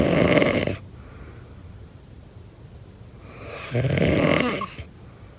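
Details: Snoring.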